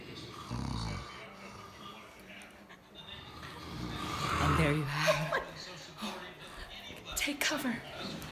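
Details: Two low rumbling snores from sleeping family members several seconds apart, with faint room noise and sounds like muffled talk between them.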